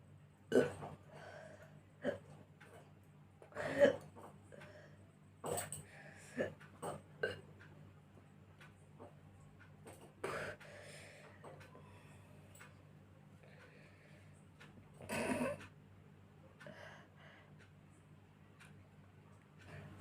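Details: A person doing a burp and hiccup challenge: irregular short throaty belches, roughly eighteen a minute, over a steady low room hum; repeated burping.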